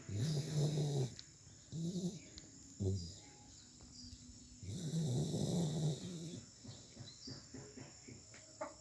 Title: He is snoring 😪😪😪😪😪